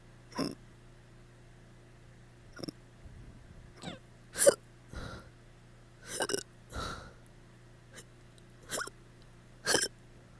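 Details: Hiccups after drinking too much the night before: about nine abrupt, short gulping hiccups at irregular intervals in a quiet room.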